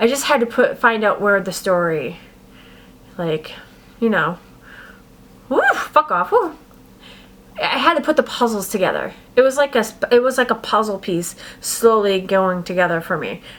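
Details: Adult woman with adult-onset Tourette syndrome that began about six years ago, diagnosed at 32. Repeated involuntary vocal tics, including swearing, break into her speech. She also reports throat clearing, sniffing, a hiccup-like tic and shoulder shrugging. Vocal tic with coprolalia.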